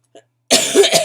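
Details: Adult with chronic illnesses and asthma complications, now with bronchitis and on prednisone, coughs: cough in acute bronchitis.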